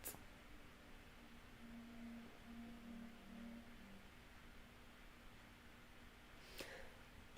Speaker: If you can hear my stomach rumbling right now, I apologise